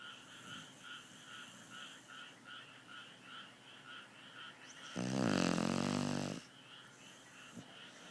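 Soft rhythmic snoring breaths about four a second, then one loud rasping snort lasting over a second, in a quiet room.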